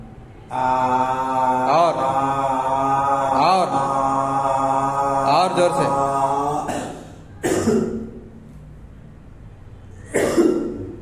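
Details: Male patient's voice after puberphonia treatment with speech therapy, shown as improved voice after puberphonia therapy.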